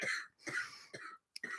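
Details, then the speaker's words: Adult woman who is sick coughing in the background of a podcast: a quick run of about four harsh, throaty coughs. "I can't hear myself for my queen coughing over here. Bless her heart."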